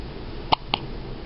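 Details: Three-day-old newborn boy having one of his frequent hiccuping fits, also hiccuped in utero for months; two short, sharp catches of breath close together in a quiet room; infant hiccups.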